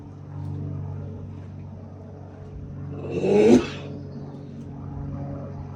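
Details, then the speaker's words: Horse coughing. "Вот так мы кашляем."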